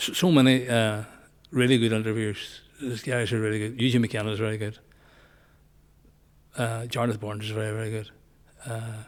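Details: Man nearly 65 with Parkinson's disease, voice problem noticed before diagnosis, also word-finding difficulty; hypokinetic dysarthria (Parkinson's disease speech).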